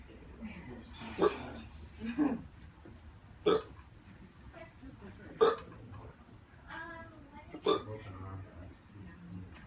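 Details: Five sharp, abrupt hiccups at irregular one-to-two-second gaps in a man on day 8 of constant hiccups, who had a hard time breathing and went to hospital; persistent hiccups.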